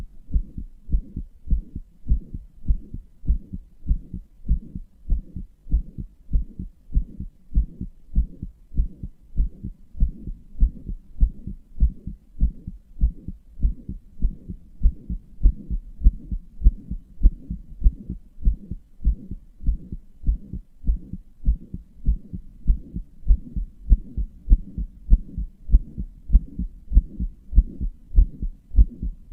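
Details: Self-described weak, inefficient heart that murmurs and palpitates: regular low heartbeats about 98 a minute with a soft rumbling noise between beats, heart murmur.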